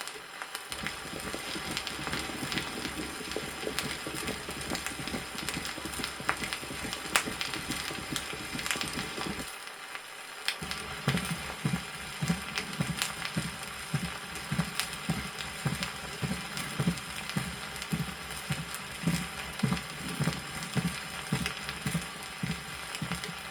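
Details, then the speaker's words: 1963 vinyl teaching record: regular three-part rhythm under heavy record surface crackle, described as a three-part rhythm from an added protodiastolic sound; gallop rhythm. "эта мелодия обусловлена появлением в протодиастолический своеобразный трёхчлен ритм ритм лопа прослушайте два варианта ритма"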